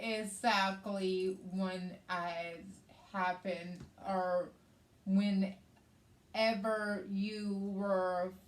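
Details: Adult woman with aphasia and right-sided hemiparesis after a hemorrhagic stroke on May 19th 2020, treated with brain surgery and an ICU stay; aphasia also affects her reading and writing.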